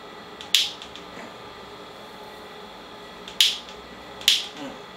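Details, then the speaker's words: Ultrasound-guided focused shockwave therapy aimed at a tendon calcification, patient checked between shots: three sharp, loud snapping impulses over steady room hum, up to five shots per session; Doppler then activates on the calcification. "Et là, je vais donc effectuer mes impulsions. Ça va? Oui? D'accord, la première. La deuxième."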